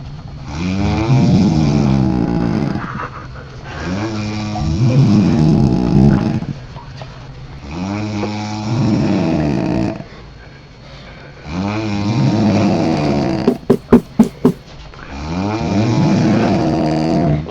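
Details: Mother and daughter snoring in a hotel room after drinking alcohol; loud, rough, rattling snores on each breath, about four in 17 seconds, with brief clicks between; heavy snoring.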